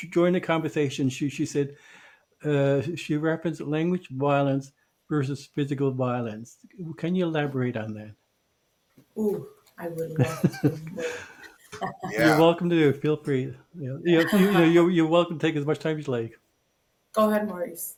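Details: Adult male who identifies as a person who stutters; stuttering.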